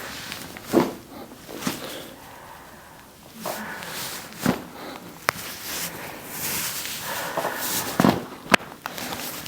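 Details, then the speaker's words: Brief sharp pops over quiet breathing and shuffling as a chiropractor adjusts a patient's spine during exhalation: joint cavitation. "There we go. Little firecracker at the end there."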